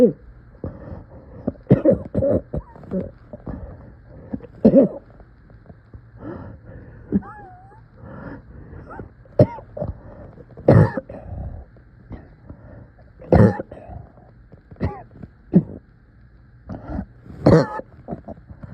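Repeated harsh coughs with strained throat sounds and groaning between bursts, suggesting painful coughing.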